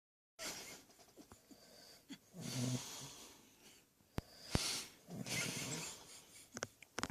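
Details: Rough, rattling inhaled breaths of a sleeping adult man, with a low fluttering snore on the louder breath; his partner says he denies snoring; snoring.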